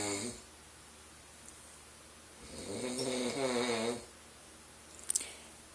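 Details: Boyfriend snoring through the night, loud enough that his partner needs earplugs or cotton balls, which don't always help; one long, loud, rattling inspiratory snore followed by quiet room noise.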